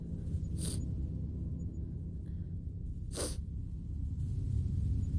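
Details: Simulated allergy sneezing by a female performer in a cinema-date scenario, sneezes she tries to muffle that come out embarrassed but loud.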